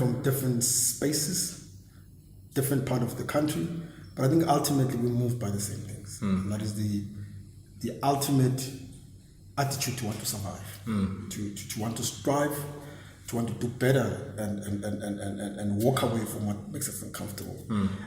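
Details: Stuttering in an adult man who has stammered since a very young age; he speaks very fast, sometimes missing words, and says it has been regarded as a disability; stuttering.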